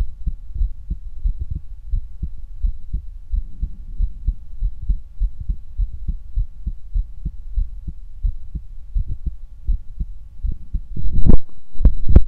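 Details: Normal heart sounds on stethoscope auscultation: steady low heart thumps at about 73 beats a minute, ending in brief handling noise.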